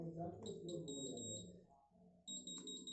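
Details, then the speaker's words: Terumax Rx infusion pump with PCA option, in a PCA operating demonstration: high electronic beeps in bursts as the demand button is pressed for the first dose while the pump shows stop mode; a PCA pump demand beep. "here you see machine is stop mode but it is not but even this also pci will work now the patient is demanding the first dose see i'm pressing it"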